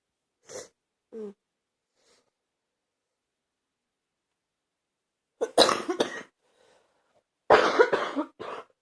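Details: An adult with a bad cold gives two harsh bouts of coughing after a few faint throat sounds.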